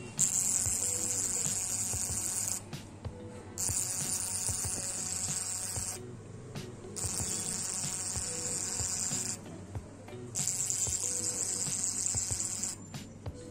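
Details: CO2 laser scar removal on skin under local anesthesia: repeated bursts of high buzzing hiss, a few seconds on and off, with faint music behind. CO2 laser resurfacing device sound.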